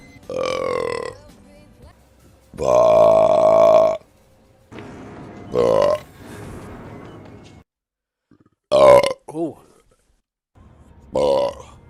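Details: Person burping during a live stream: several loud, prolonged voiced belches separated by pauses; repeated burping.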